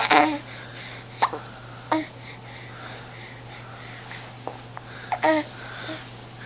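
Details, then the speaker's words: Someone with hiccups, pouty face: about four to five short, sharp voiced hiccups over six seconds, with quiet breathing and room hum between them. "do you have the hiccups do you have the hiccups poor"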